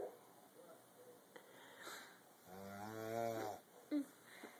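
A single rough, buzzing snore on a breath in, between quiet stretches with faint room noise. Ordinary snoring.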